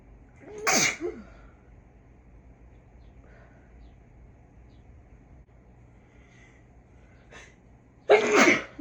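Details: Deliberately induced sneezes in a person who rarely sneezes naturally and no longer has allergies: two sharp, explosive sneezes separated by quiet breathing and faint room noise.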